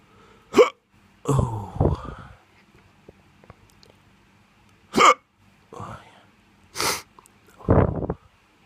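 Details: Drunk hiccups: repeated short, abrupt gulping hiccups at irregular intervals, with some voiced sounds between them.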